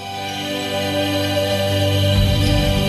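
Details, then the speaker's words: Soothing, new-age style music with steady sustained tones, played by the Neuromonics tinnitus treatment device to mask the ringing heard in the ear in tinnitus. "what you're basically doing is masking the sound that you're hearing in your ear that ringing sound with it with a more pleasurable soothing sound which I want you to hear"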